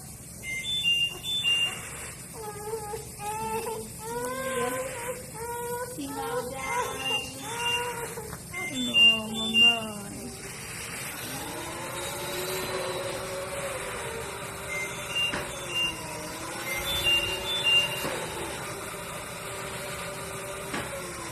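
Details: Child with spinal muscular atrophy during respiratory physiotherapy with a cough assist to help cough up secretions: rhythmic whimpering and crying over machine airflow hiss with occasional high beeps; mechanical insufflation-exsufflation in use.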